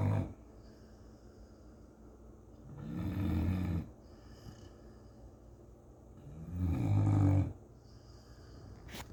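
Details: Snoring in a sleeping English Chocolate Labrador: two deep, rumbling snores on inhalation with quiet pauses between, slow sleeping breath rhythm.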